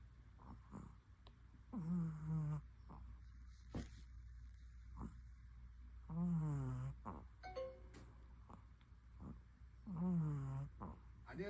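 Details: Long-haired Chihuahua snoring; rhythmic buzzy snores about every four seconds with steady low room hum between them.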